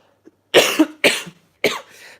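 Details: A cough during a live vlog.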